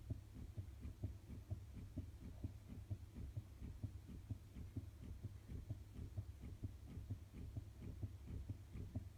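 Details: Fetal heartbeat in the womb recorded with a Doppler heart monitor, played into a 1.5-inch pan of blood-mimicking fluid for cymatics: quick, regular whooshing pulses over a low hum.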